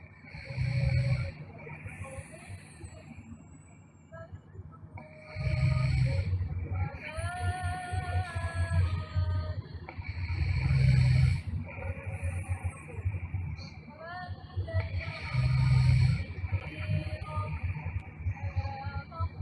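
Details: Girl snoring loudly: deep, loud snores with each breath, faint tune in background.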